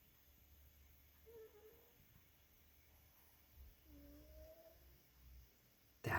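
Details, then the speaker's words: Female tuxedo cat sleeping by a heater, snoring softly until she stops; cat snoring. "is the sound of fluffy snoring so cute of course she stops nice and toasty by the heater"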